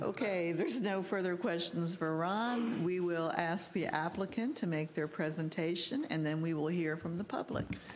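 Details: Adult woman speaking; normal voice.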